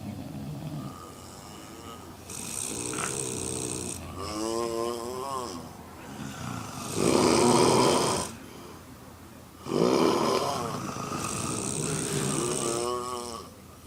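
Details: Four women snoring together in a hotel room after drinking alcohol: loud, overlapping snores, about 23 per minute, some rattling, some buzzing or tonal; heavy snoring.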